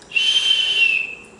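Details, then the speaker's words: Steady high-pitched whistle, imitated by mouth, of the noise nasal oxygen prongs make when airflow is raised very high; high-flow nasal oxygen whistling. "Number 3, when you increase in the airflow to here, it will producing whistling noise like"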